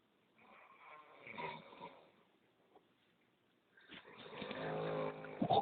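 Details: Snoring during sound sleep: a soft, rough breath followed a few seconds later by a louder, buzzing snore.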